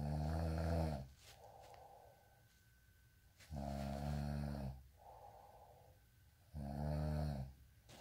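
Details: Snoring: loud, low rattling snores on each breath in, about 18 a minute, with quieter breathing out between them in a small quiet room.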